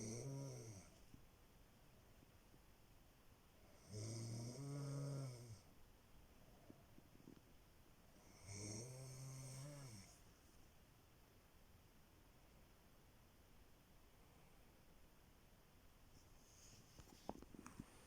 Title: prove that I don't snore